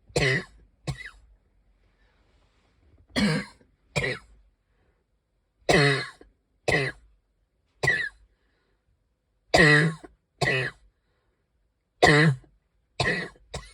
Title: I can hardly breathe- wheezing, coughing